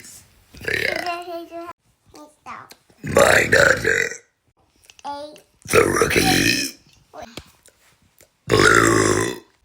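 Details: Woman deliberately burps four long, loud voiced belches with short gaps, some shaped into words listing her likes and interests; burping.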